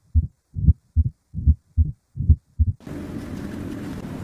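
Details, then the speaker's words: Regular low-pitched heart sounds with a rumbling diastolic murmur, given as the rumbling murmur example typical of mitral stenosis. "گروه بعدی سوف‌هایی هستن که صدای رامبلینگ ایجاد می‌کنن. رامبلینگ یعنی قرش کردن مثل بیمارانی که"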